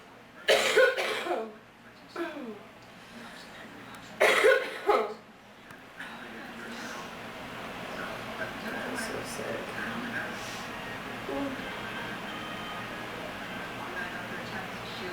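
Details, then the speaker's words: Person sick with bad allergies, wishing for cough medicine, nose hurting: a few short coughs and throat clearing early, then steady room noise. "I wish I had some cough medicine. I'm so sick of being sick."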